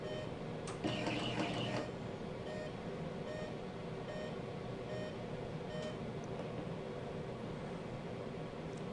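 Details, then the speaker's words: Bunnell high-frequency jet ventilator (for premature lungs) running its test-button self-test before use, checking LED readouts and pressures: repeated short electronic beeps over steady machine hum; jet ventilator self-test. "We just hit that. Now basically it's going to go through all the lighting here, making sure all the LED readouts are correct, make sure the pressures are all functioning properly, so that we're going to be able to ventilate the patient."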